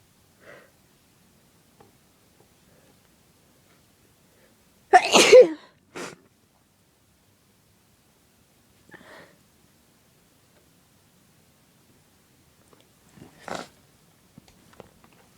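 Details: Sneezing after sniffing pepper on request: one loud, forceful sneeze with a smaller follow-up burst and a few faint sniffs in a quiet room; pepper first burned, then caused repeated sneezing.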